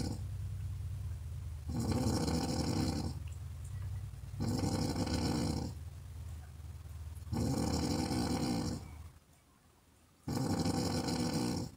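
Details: Woman snoring, half-hour snoring recording.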